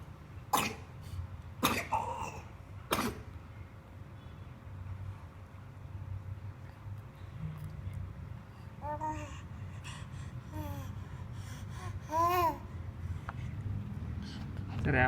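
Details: A child gives three sharp coughs, followed by soft voiced sounds and babble in a quiet room.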